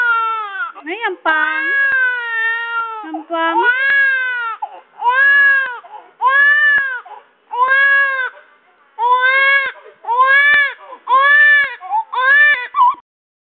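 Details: A baby in a fussy tantrum, feeling hot and wanting a bath, gives repeated loud, strong wails with brief pauses between them; ordinary infant crying.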